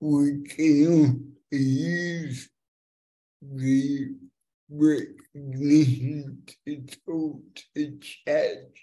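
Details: Dysarthria in a multilingual young woman born with cerebral palsy (congenital) that has affected her speech; she uses a speech recognition app to communicate.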